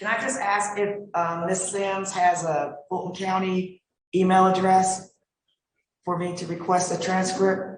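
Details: Adult woman speaking; typical voice.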